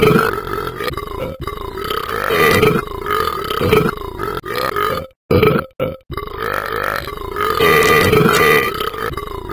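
Long, loud, drawn-out voiced belches in a small room, with brief breaks between them: repeated burping.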